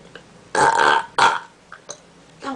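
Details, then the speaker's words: Deliberate, voluntary burping done out of boredom: two loud, drawn-out, voiced belches one after another, then quieter throat sounds. "And I'm going to burp for y'all cuz I'm really bored and I'm losing."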